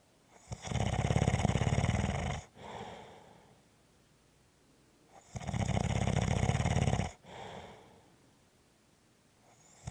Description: This is a 5 1/2 minute clip of snoring.